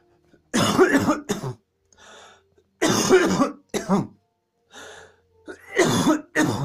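Repeated harsh coughs in quick clusters with short breaths between, a coughing fit.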